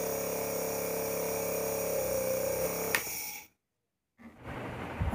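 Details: Dr.Trust Penguin model 403 compressor-cum-nebulizer, filled with distilled water and fitted with a mask for a demo, running with a steady rattling motor hum, then briefly stopping before a rustle of handling.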